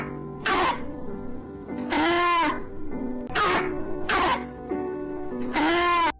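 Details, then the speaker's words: Child with laryngotracheitis (croup) gives five harsh, hoarse, honking barking coughs over background music. "ак правило возникает редко также у детей из-за особенности строения гортани и трахея часто возникает такой как ларинготрахеит это когда воспаляется область гортани и трахеи и кашель при ларинготрахеите лающий и если вы хоть раз в жизни услышите такой кашель вы уже его ни с чем не спутанность собаки и давайте послушаем"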